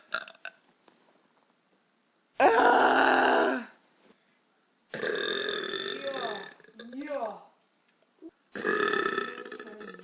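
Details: Woman burping after eating pizza: three long, loud, rumbling voiced belches separated by quiet pauses, with a short vocal sound between the second and third; she calls it so powerful the couch shakes.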